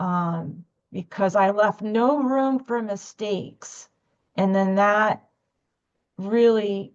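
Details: Adult woman speaking; stuttering.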